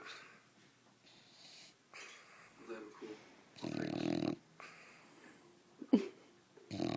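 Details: Bulldog snoring while asleep: noisy, rattling snorts and wheezy breath sounds in uneven bursts.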